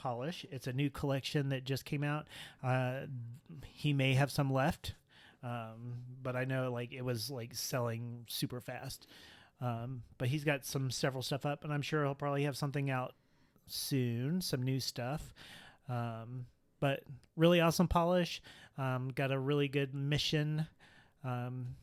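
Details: Adult male speaker; no speech disorder.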